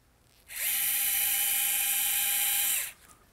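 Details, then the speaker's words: Partial knee replacement on a right knee: a powered pin driver fixes a size 2 tibial component flush at the posterior corner, giving a steady high-pitched motor whine for about two seconds. "I'm going to make sure that I place it at the very back corner, and I'm going to pin that into place, make sure it's flush."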